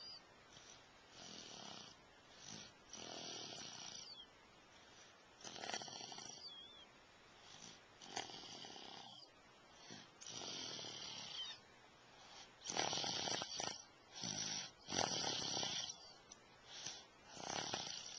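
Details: Repeated raspy, hissing breath sounds in an uneven rhythm, about 28 a minute, during sleep, recorded with a Flip Video camcorder; snoring.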